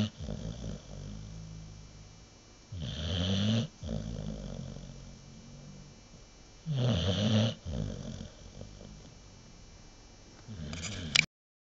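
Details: American Bulldog in deep sleep: loud, rattling snores on each breath, about 16 per minute, with quieter breathing between them; snoring.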